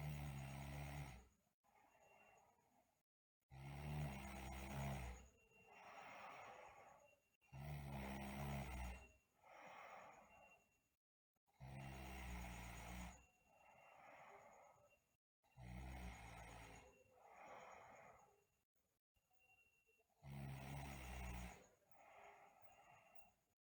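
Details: Sleeping girl snoring, with bruxism also noted: loud, rattling snores on each in-breath at about 15 breaths a minute, with softer breathing out; snoring.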